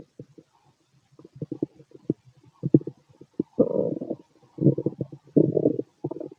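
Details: Loud stomach growling from a healthy adult male's digestive system; normal bowel sounds.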